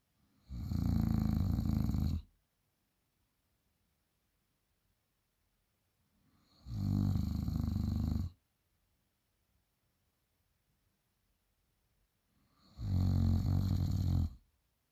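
Three loud, deep, rumbling snores about six seconds apart, roughly ten breaths a minute, with silence between; snoring.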